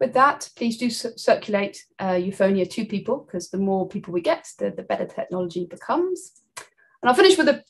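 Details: Adult woman speaking; typical speech.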